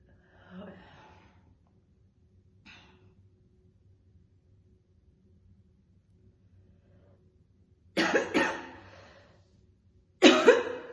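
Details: Real, intense chain-smoking session: a woman smokes 2 cigarettes in a row, holding them in her mouth mostly hands-free. Quiet breathing and a throat sound, then two harsh, forceful coughing bouts. Smoker's cough.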